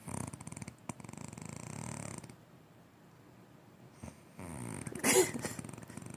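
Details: Mother snoring during sleep: rattling, fluttering snores on the in-breath, separated by a quiet pause, in a small room; ordinary snoring.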